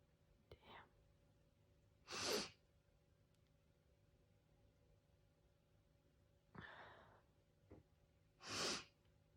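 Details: Two sharp sneezes, each after a quick in-breath, with quiet between, induced by sneezing powder and followed by a stuffy nose; sneezing.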